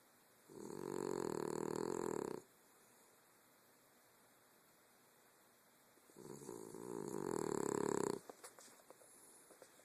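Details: Leo, a dog, snoring while asleep: two long, buzzing snores of about two seconds each with a quiet pause between them.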